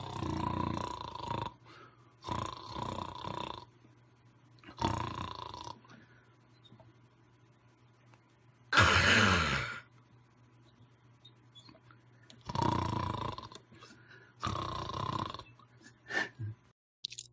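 Repeated rough, rattling snore-like sounds separated by pauses, an imitation of snoring as heard with sleep apnea.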